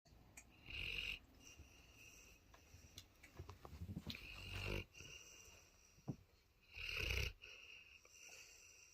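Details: Sleeping Cane Corso dog, possibly a puppy, snoring: repeated noisy, rattling breaths with snorting sounds and some low rumbles.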